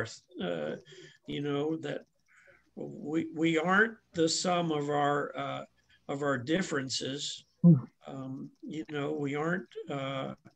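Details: Adult man speaking; normal conversational speech.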